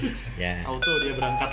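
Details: Hamilton-C1 ICU transport ventilator during setup and function test, alarm settings being checked: steady high-pitched electronic alarm tones over brief speech; ventilator alarm.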